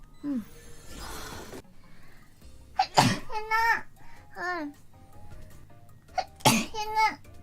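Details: Sneeze compilation: two sharp sneeze bursts with voiced, high-pitched squeals, amid noisy breathy sounds and quiet background music.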